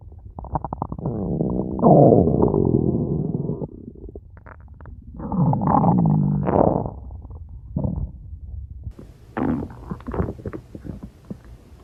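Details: Long, loud gurgling and rumbling stomach growls with pauses between them; ordinary stomach growling (borborygmi).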